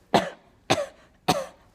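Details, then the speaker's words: Hacking coughs from kindergarten children during cold and flu season, described by a teacher in a comedic skit: cough. "so dear parents please do something about these hacking coughs that these children are coming to"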